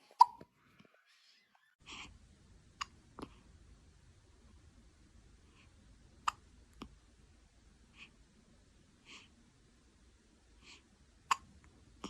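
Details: Soft, brief catching sounds at irregular intervals in a quiet room from a newborn baby; hiccups.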